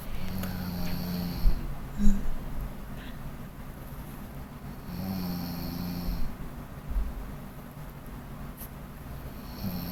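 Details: Person snoring during sleep: low, droning snores about every four seconds with quieter breathing between them.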